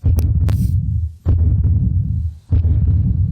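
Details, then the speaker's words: Heartbeat of a woman heard through a stethoscope: loud low thumping at about 48 beats a minute, with handling scrapes and a steady hum. "พี่จีนบอกอะตอมตรวจหัวใจหน่อยอ่ะเดี๋ยวลองฟังนะว่าเสียงหัวใจมันดังว่าอะไรอ่ะ"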